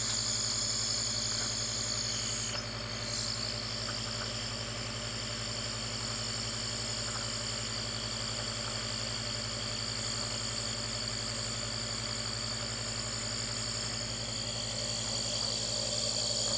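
A steady loud mechanical hum with a hissing overtone, a nebulizer compressor running during an infant's treatment.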